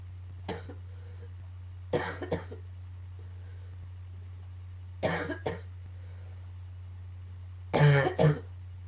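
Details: Cough during a coughing fit combined with allergies: four clusters of two or three harsh coughs over nine seconds, steady low hum behind.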